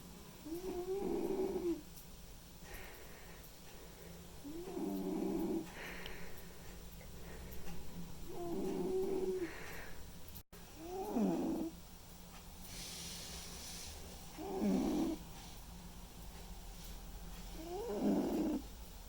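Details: A white and ginger male cat snoring while asleep: rhythmic, low, fluttering rumbling snores, about 17 a minute, with quiet pauses between.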